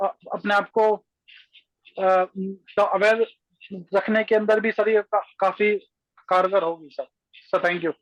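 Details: Adult speaker, Hindi; stuttering.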